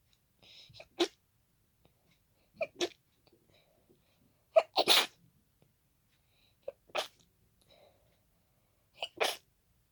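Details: Congested hay fever sneezing fit triggered by pollen: five fast, messy sneezes into tissues, each with a brief in-breath before the burst.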